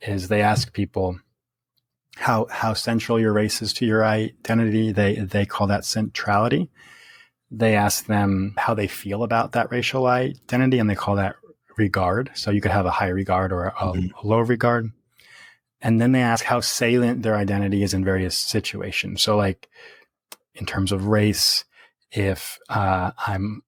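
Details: Real stuttering in an adult man who has stuttered since early childhood, worsening through adolescence; now reports speech as fairly easy after embracing his stutter; repetitions audible.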